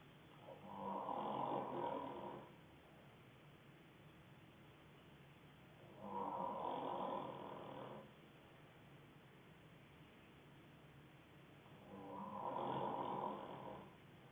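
Three regular rattling snores on inhalation, about one every six seconds with quiet pauses between: ordinary snoring, about ten breaths a minute.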